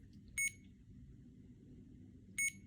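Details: CADD Legacy infusion pump delivering IV Remodulin, started by holding the start key after connecting to the catheter: two short high electronic beeps about two seconds apart over quiet room hum.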